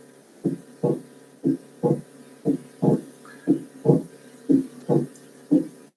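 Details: Physiology teaching example: regular paired heart sounds at about 60 beats a minute, with the second sound split in expiration rather than inspiration: paradoxical splitting of the second heart sound.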